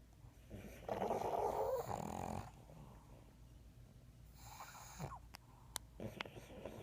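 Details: Three sleeping pugs: rattling snores and snorts with overlapping breaths and a brief faint squeak; snoring.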